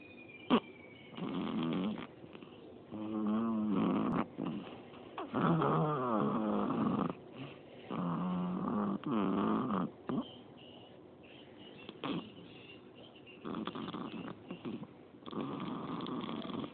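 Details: Sleeping infant snoring: repeated rattling, buzzing breath sounds with pauses between them, about 23 per minute.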